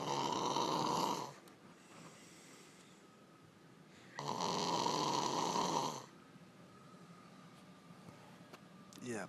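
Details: Adult woman snoring during sleep: two loud, rough snores on in-breaths about four seconds apart, with quiet breathing between.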